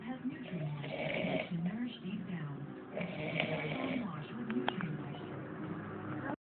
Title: Country Black snoring